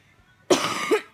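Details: A single short, harsh cough from a sick adult with a sore throat and a hoarse voice.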